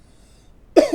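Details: Cough.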